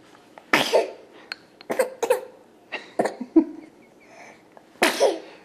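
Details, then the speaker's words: A child gives several short, deliberate coughs, a put-on fake cough made in play rather than from illness, while an adult jokingly calls it bronchitis. "Oh no, it's back! It's back! Oh, it sounds like bronchitis."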